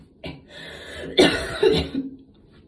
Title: post gym cough this ones actually a few months old, but i didn't have time to post it